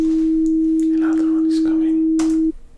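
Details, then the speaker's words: Simulated ear-testing roleplay (ASMR), patient raising a finger on hearing tones stepped from 20 Hz upward: a steady pure tone of about two and a half seconds under soft whispering; pure-tone audiometry test tone. "when you hear it just put your finger up yeah thank you 20 hertz 40 hertz"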